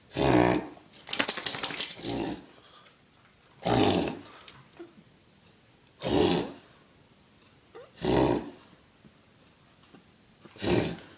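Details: Dog's reverse sneeze, owner says he sounds like a rhino: loud, harsh snorting inward breaths in repeated bursts, about five over ten seconds.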